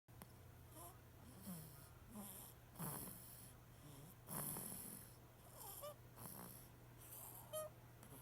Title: Baby snoring